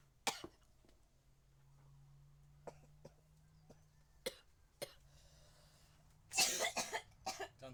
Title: biggest dab ever! (I'm still coughing btw)